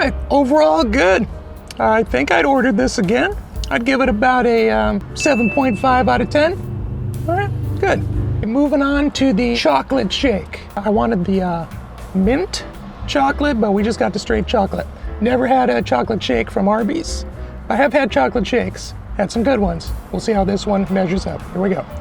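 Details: Adult man whose voice never changed after puberty, high falsetto since childhood, able to use a deeper voice only a minute or two, no voice therapy by choice; mutational falsetto (puberphonia).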